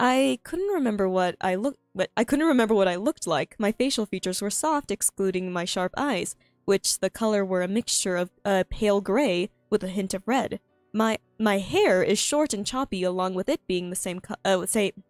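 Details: Self-reported frequent stuttering in a streamer who finds reading difficult, reading her own story aloud; this stretch has restarts and phrase and word repetitions.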